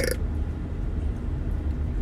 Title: 1k burps